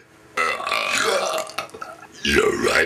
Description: a friend of mine and i.. while we are enjoying our burps :D